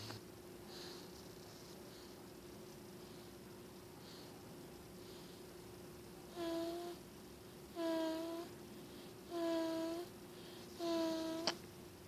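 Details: Sleeping baby boy snores, then hums while his head is brushed: soft breathing noises, then four short tonal hums about every 1.5 seconds, over a steady background hum; snoring with humming.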